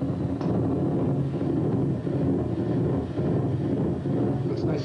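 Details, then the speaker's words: Normal EMG interference pattern from the forearm flexor muscle group during voluntary contraction, recorded in a neurologist's office demonstration. "that's your flexor flexor muscle group of the forearm as you contract it"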